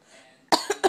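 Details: Cat coughing: after a near-silent lead-in, three short, harsh coughing bursts in quick succession; cough.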